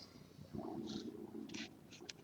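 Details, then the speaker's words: Adult's audible stomach growling after skipping breakfast: a low, drawn-out gurgling rumble with brief paper-like rustles around it; borborygmi from an empty stomach. "can you hear my stomach growling I didn't eat breakfast I made Robert breakfast I didn't eat it"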